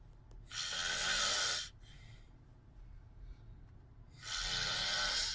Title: Snoring wile sleep